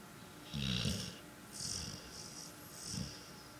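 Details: Gentle night-time snoring in a three-legged pit bull: soft, rhythmic snores with a low fluttering rumble and airy hiss on each breath, about three breaths in a few seconds.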